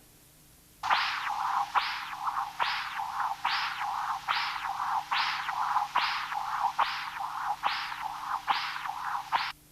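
Regular whooshing Doppler signals about 70 a minute, each a rising and falling rush: tricuspid regurgitation with low jet velocity, consistent with normal pulmonary artery pressure.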